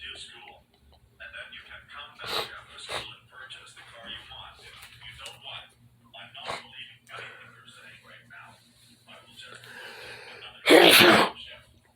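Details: Talking, then one loud explosive sneeze near the end, with a dog faintly heard in the bedroom; sneezing.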